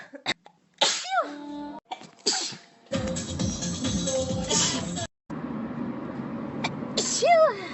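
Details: Sneezing compilation: two abrupt, explosive sneezes, one near the start and one near the end, with music and noise between them.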